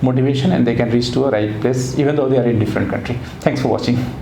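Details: Adult man speaking; normal adult male speech.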